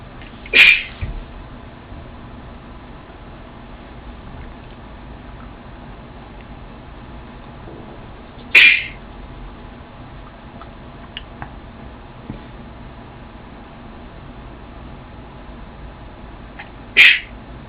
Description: more of me sneezing!